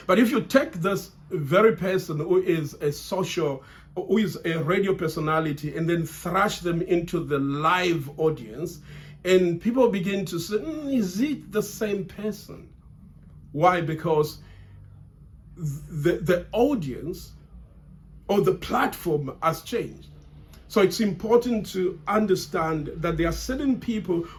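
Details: Adult man who has stammered since childhood and still stammers under stress, stammering here because he feels under pressure; word repetitions; stuttering.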